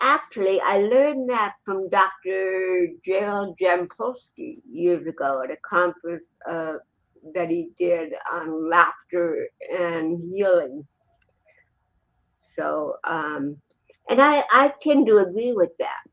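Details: Adult woman born with cerebral palsy in 1956; dysarthria (cerebral palsy).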